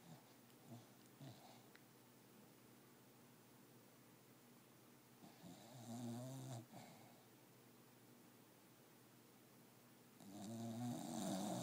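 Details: Dog snoring while asleep in bed: two low, rough, fluttering snores several seconds apart over faint room noise; snoring.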